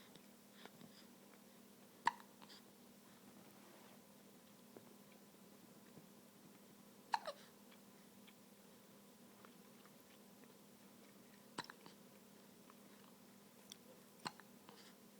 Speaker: Say hi, everybody. I have the hiccups. Woo! Woo! And the sneezes.